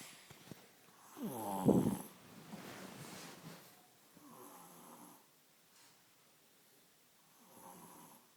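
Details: Snoring during sleep: one louder rattling snore followed by softer snoring breaths in a quiet room.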